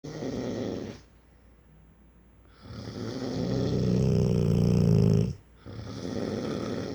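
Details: Snoring in a sleeping 4-year-old rottweiler: loud, low rattling snore on a long inward breath, separated by quiet pauses.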